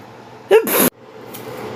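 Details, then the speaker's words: Allergy sneeze: an adult with bad seasonal allergies and sneezing fits of about 15 in a row gives a single sneeze, a brief voiced catch of breath and then a sharp, forceful hissing burst that cuts off abruptly, in a quiet room. "every time i have a sneezing fit it's like 15 times in a row it's so bad"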